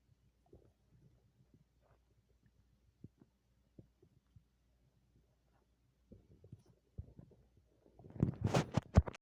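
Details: Active bowel sounds after eating an entire pizza and a large shake: scattered soft gurgles and pops building into a louder bubbling rumble at the end.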